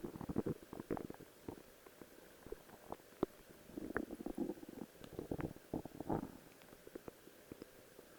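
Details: Stomach growling while wearing a cosplay outfit; bowel sounds (borborygmi).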